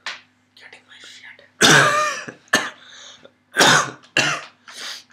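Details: Adult with a lingering cough at 2 a.m.: several loud, harsh cough bursts with quieter breathy sounds between them.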